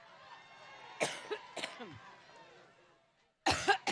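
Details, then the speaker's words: Adult woman at a campaign rally coughs in several sharp bursts in a row over faint room noise, attributed to talking so much; described as recurring. Coughing fit. "Okay, so she's coughing, but wait, hold the commentary. It turns out this is like a recurring thing, which you're going to see in this video."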